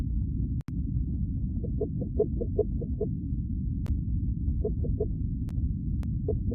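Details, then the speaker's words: Fetal heartbeat from a pregnant woman: rapid, rhythmic whooshing pulses of about 150 per minute over a low rumble, consistent with Doppler. "so let me just let y'all hear the baby heartbeat"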